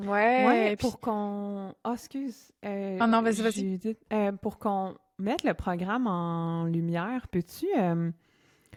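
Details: Adult woman who stutters, a speech-language pathologist and doctoral candidate in speech-language pathology; stuttering.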